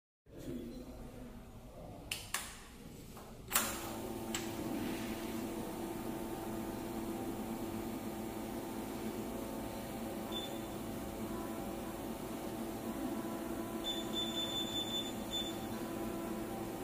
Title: High-Quality fractional co2 laser machine Installation test video MSLCF15